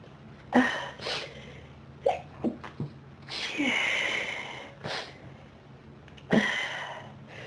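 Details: Intense human sneezing fit: several sharp, explosive bursts with quick inhalations between them, a run of repeated sneezes.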